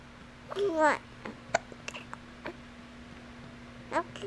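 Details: A baby's hiccups: a few short, sharp hiccups with small voiced squeaks, about four in four seconds, in a quiet room.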